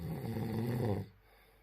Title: Let's snoring 🤣